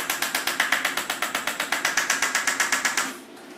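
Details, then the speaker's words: Rapid, even clicking pulses fading at the end, from an extracorporeal shockwave therapy device at 1.5 bar pressure and 8 Hz, applied to the Achilles tendon for tendinopathy; the pressure wave can be felt through the tendon. "so different sound on the machine and as you're doing this you can feel the pressure wave going through"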